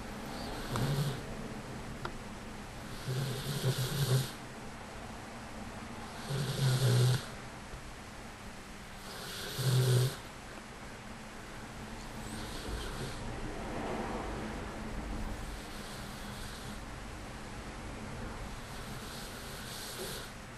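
Low snores repeating about every three seconds, roughly 20 a minute, with soft breathing noise between; they fade toward the end. Snoring in a sleeping dog.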